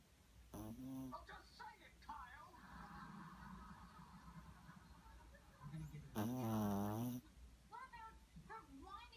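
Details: Soft, buzzy rhythmic snoring from a small 6-pound sleeping dog, broken by brief squeaky, whine-like vocal sounds and faint room noise.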